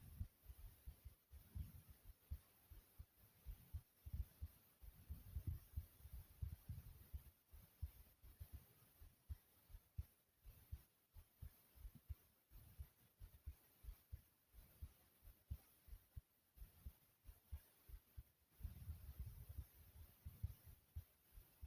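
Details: Own heartbeat, tagged as fast: muffled low thumps at roughly 90 a minute with some rustle and uneven spacing; heartbeat.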